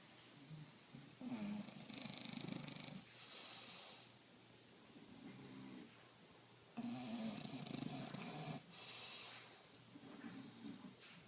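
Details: Two sleeping English bulldogs snoring very loudly together: loud, rattling snores in long rhythmic bursts with quieter breaths between; heavy synchronized snoring.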